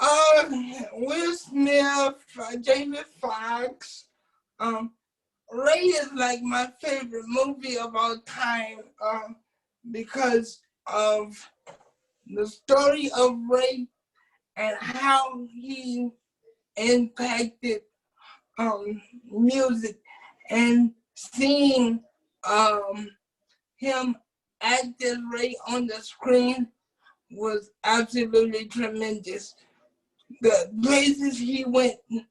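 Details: Adult man with cerebral palsy since birth who uses a wheelchair; doctors predicted at birth he would not speak; dysarthria (cerebral palsy).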